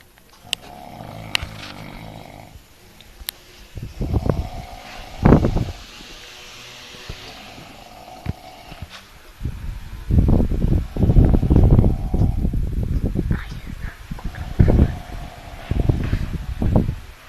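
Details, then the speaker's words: A person imitating a monkey snoring: rough, low snorting snore bursts at an irregular pace. "El día de hoy tengo un video de cómo es el ronquido de un mono. Escuchen."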